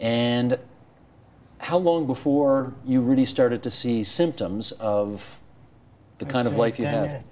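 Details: Adult man; Typical speech.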